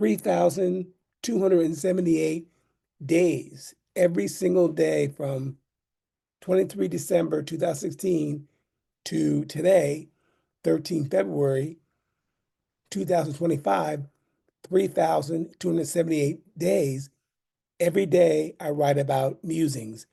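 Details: Adult man with aphasia caused by a stroke in 2016.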